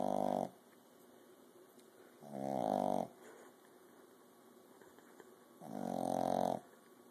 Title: Puppy-Snores